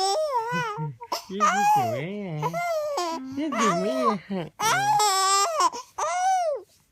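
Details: A sick 4-month-old baby cries in rising and falling wails in a small room, with an adult voice between, while the father imitates the baby's sneezing sound; an ordinary infant cry.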